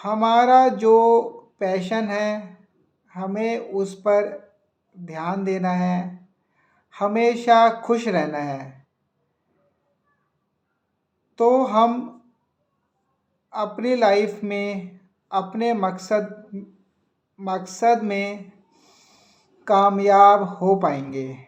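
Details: Self-reported stammering in a Hindi-speaking man from Delhi talking about his own stammering; a word repetition occurs in this stretch. Finding: stuttering.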